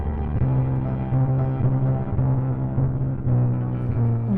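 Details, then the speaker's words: Simulated hearing loss: muddy, boomy piano music with little clarity or treble, depicting how music sounds through a person's right ear with hearing loss, before hearing aids. "Music doesn't sound musical to me anymore out of my right ear. It sounds like hammers hitting the pins that hold the"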